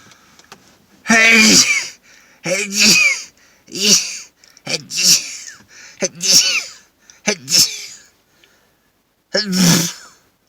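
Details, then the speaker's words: Pepper-induced sneezing fit, leaving the person lightheaded: a run of about seven forceful sneezes in quick succession, each with a sharp voiced burst. "oh now I'm just gonna sit here and sneeze without talking Hey I think that pepper would only make this go on longer"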